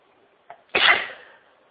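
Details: Person in a sneezing fit, hiding somewhere quiet at work: a short in-breath, then one loud, explosive sneeze fading over about half a second.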